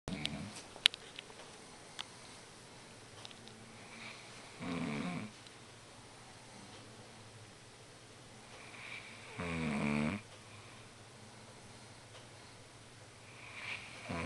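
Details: Man heavily snoring while asleep: two loud rattling snores about five seconds apart over quiet room noise.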